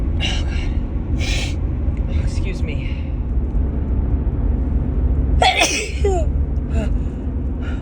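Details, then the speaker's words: Repeated allergy sneezes from a woman in a car one March morning; her nose keeps tickling. Several quick sneezes, each a sharp intake and explosive burst, over steady car rumble. "Oh God, excuse me. Just can't stop sneezing this morning."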